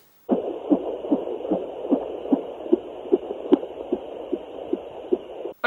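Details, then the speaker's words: Fetal heartbeat at 20 weeks of pregnancy on a home fetal Doppler: rapid, regular galloping thumps over a steady hiss, about 150 beats a minute. "und da kann ich euch mal einblenden jetzt in der zwanzigsten woche hört man das manchmal echt gut"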